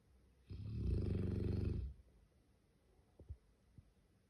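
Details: Large Cane Corso dog snoring in a human-like way.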